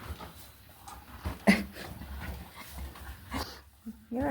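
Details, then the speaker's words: Normal gut sounds (borborygmi) from a mare eating at mealtime, audible from across the room: low rumbling gurgles showing active intestines. "Her stomach's going gurgle, gurgle, gurgle. Usually I stick my ear to her tummy every day to make sure there's gut sounds in there every day, but today I didn't have to. I could hear them from across the room."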